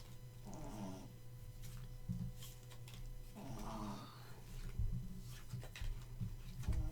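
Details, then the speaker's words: Soft, rough snoring breaths about three seconds apart from a sleeping Chihuahua, described as soft snoring, with low room hum underneath. "And you can probably hear my Chihuahua snoring right now. Pretty sure that the microphone is picking that up. It usually does."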